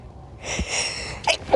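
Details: A quick breath in, then a sharp hissing burst and a short vocal catch. This is a single acted sneeze after repeated "it tickles, I'm going to sneeze."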